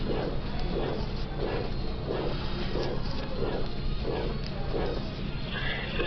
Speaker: Thus we have the crescendo-decrescendo shape, which is a term borrowed from music in which a sound gradually increases in volume and then decreases in volume. Here's an example of such a crescendo-decrescendo murmur of aortic stenosis.